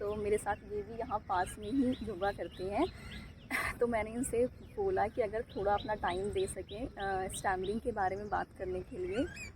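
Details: Adult woman speaking Hindi outdoors; fluent speech.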